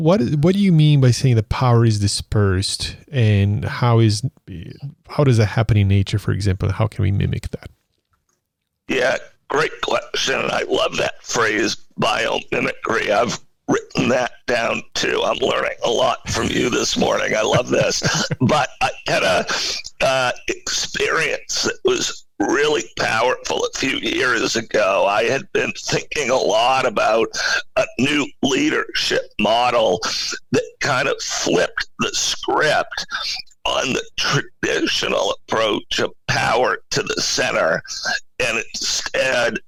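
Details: Spasmodic dysphonia in an adult male CEO: a rare neurological voice disorder affecting only speech, with no known cause or cure, acquired in 2010.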